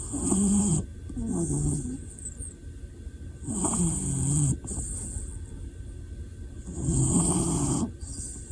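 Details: Dog snoring in sleep: slow, rhythmic, grumbling, buzzy snores, about three breaths in eight seconds, over a steady background hiss.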